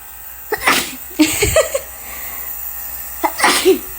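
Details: Sick child (older brother) with cough, possibly pneumonia, sneezing repeatedly during nebulizer treatment: three sharp sneeze bursts over a steady hissing background, likely the nebulizer running. Repeated sneezing.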